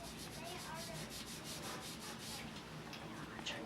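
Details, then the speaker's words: Quick repeated rubbing strokes, a soft scrubbing sound, as the skin is swabbed clean with rubbing alcohol after allergy skin-test welts are measured, in an ENT allergy-testing visit. "i'm going to turn it into the opposite one so go ahead and clean you with some rubbing alcohol"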